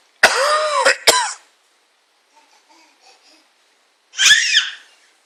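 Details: Person coughing.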